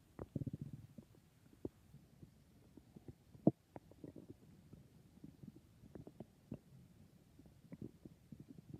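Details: Person who thinks their stomach is being very noisy: frequent quiet gurgles, pops and brief rumbles throughout; ordinary stomach growling (borborygmi).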